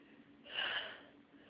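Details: A single breathy, hissing burst of air forced through the nose, from a person with nasal congestion and tickling whose sneeze gets stuck and does not fully come out; snort.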